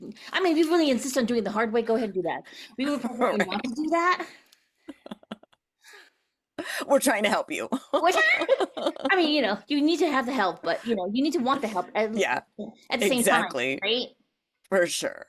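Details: Adult women in conversation; normal voice.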